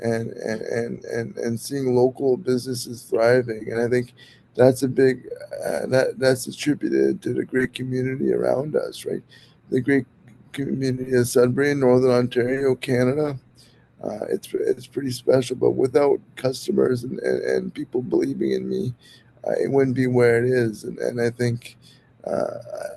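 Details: Dysarthria in an adult male podcast host with severe cerebral palsy.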